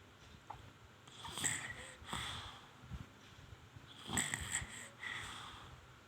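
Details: Irregular snoring in a sleeping infant: soft breaths with faint nasal whistling, about 22 per minute.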